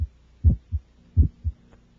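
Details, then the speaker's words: Systolic ejection sound from the aortic or pulmonic valve in a child, high pitched, loudest on expiration, heard with the stethoscope diaphragm; heartbeat near 80 a minute with a sharp extra sound just after S1 in early systole. "the systolic ejection sound generated by the aortic or pulmonic valves is a frequent finding in children and is loudest during expiration the sound is high pitched and best heard with the diaphragm of the stethoscope listen now to a systolic ejection sound"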